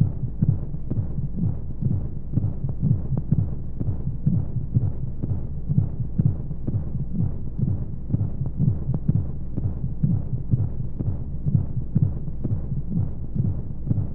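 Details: Womb-sound baby sleep aid: regular soft low heartbeat thumps, about 125 a minute, over steady rushing white-noise hiss; womb-style heartbeat.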